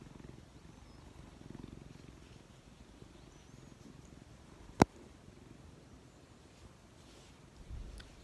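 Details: Relaxed cat purring: a soft, low, continuous rumbling purr with one sharp click.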